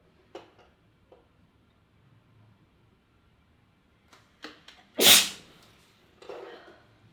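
Quiet sniffs build to one sharp, hissing sneeze followed by a brief snuffle in a quiet room.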